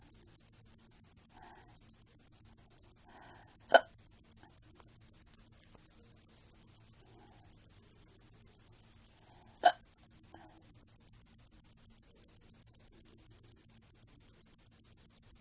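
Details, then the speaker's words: Hiccups, which the person says are painful and put down to eating too much macaroni: two sharp, abrupt hiccups several seconds apart in a quiet room. "Anyways, I got the hiccups. So, yeah. Just to let you know I got them."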